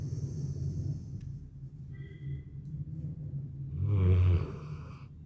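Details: Dog snoring while asleep: a loud, low, rattling snore with a deeper snorting surge near the end.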